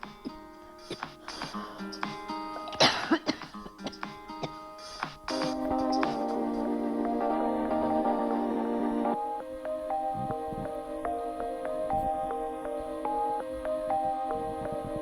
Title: La tos